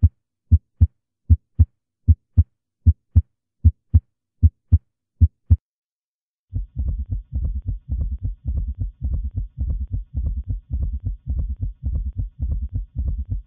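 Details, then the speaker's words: Heart auscultation in a setting where a summation gallop can occur with a prolonged PR interval (conduction disorder or drugs): summation gallop rhythm. "Finalmente lo que vamos a escuchar es un ritmo de galope de suma."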